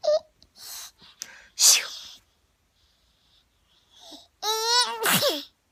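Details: 6-month-old baby girl makes several short imitation sneezes, fake sneezing, then a voiced squeal like laughter while laughing with her mother.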